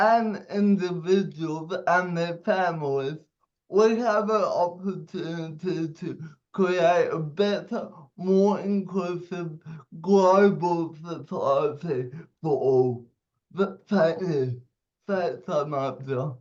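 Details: Young adult man aged 27 with cerebral palsy, speaking during a speech; dysarthria due to cerebral palsy.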